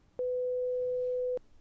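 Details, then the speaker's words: Acted student film of a hearing test: a steady pure beep lasting about a second, an example audiometer test tone after the patient is told to raise a hand on hearing beeps. "אני אשמיע לך רעשים וצפצופים כל פעם שאתה שומע אז שהו רש או צליל א אתה מרים את היד"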